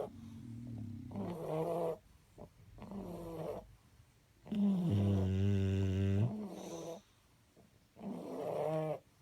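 Deep rumbling snores on repeated breaths, one long and loud with a buzzing vibration. Dog snoring.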